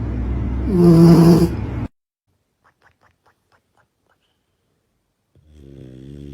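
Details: Dogs snoring.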